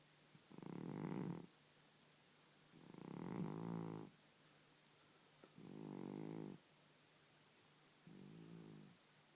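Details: Elderly cat that has snored all its life, now worse with age and sleeping constantly: four loud, low, buzzing, human-like snores about every two and a half seconds.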